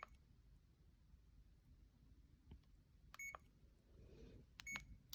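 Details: A few soft, high electronic beeps with quiet room noise between them as units and a simulated 1 mg/mL concentration are entered on a CADD pump in PCA mode; infusion pump keypad beeps.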